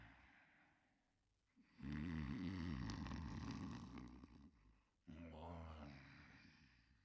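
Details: Simulated cartoon snoring of a sleeping dog character: long rumbling snore followed by a shorter one.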